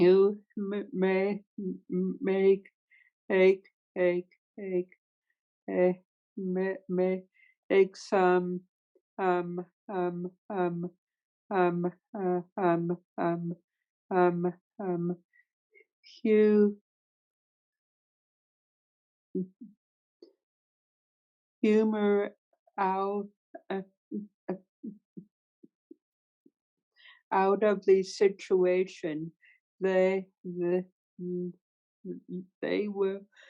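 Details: Stuttering in a woman who stutters, with sound repetitions and part-word repetitions.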